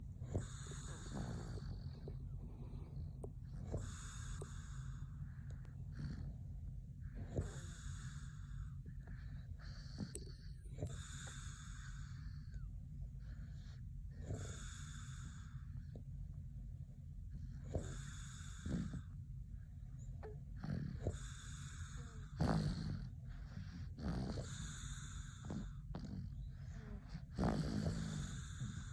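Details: Rhythmic snoring with a whistling, snorting quality, about 17 breaths a minute, over a steady low hum.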